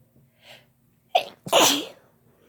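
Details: Two people sneezing together: a quick inhalation followed by two sneezes in close succession, the second louder and voiced.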